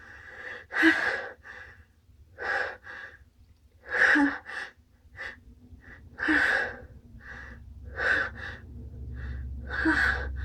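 About eight sharp, breathy gasping breaths in a row, the catching breaths of a sneeze that never comes.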